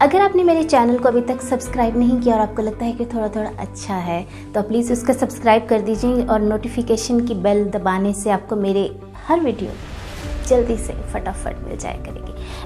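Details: Adult woman speaking Hindi; Normal speech.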